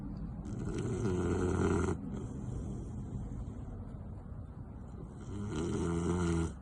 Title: Victorian Bulldog Snoring Is the BEST Sound Ever! 😂🐶 #Shorts #VictorianBulldog #BulldogSnoring